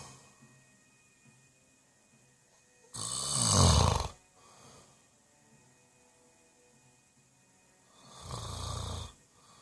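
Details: Person snoring during sleep: two harsh, rattling snores about five seconds apart, with quiet breathing between; ordinary snoring.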